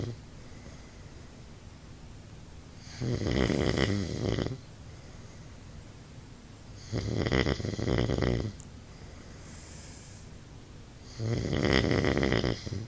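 Loud, rough snores on each breath in, three in about 13 seconds, with quiet pauses between. Ordinary heavy snoring.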